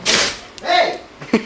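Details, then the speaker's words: Dog gives a sharp, hissing sneeze burst, followed by a brief human voice and a second short snort. "What's all that sneezing about?"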